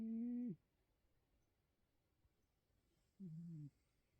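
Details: Bedford, a Bengal cat, snoring: two short, steady humming tones about three seconds apart, a soft tonal hum with each breath while asleep.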